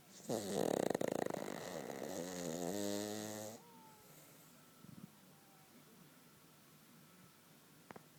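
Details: Cavalier King Charles spaniel sleeping comfortably between its owner's legs: one long, buzzing, rattling snore with a wavering pitch, then quiet breathing; snoring.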